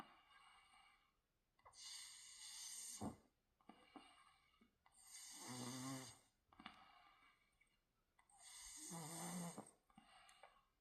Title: 딸래미 코골이 소리는 수면제~ 불면증엔 쵝오ㅎㅎ